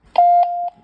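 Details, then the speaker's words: A single steady half-second electronic beep as a Nippy home ventilator, used with a humidifier by a spinal cord injury patient, is switched on by holding the top button; normal ventilator power-on beep. "yeah so then that switches that machine on this like I said in the side here this side has got an 8 Hour battery backup"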